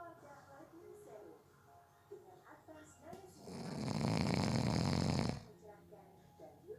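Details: Person napping who fell asleep within 30 seconds: one loud, harsh rattling snore on an in-breath between quieter breathing sounds; snoring.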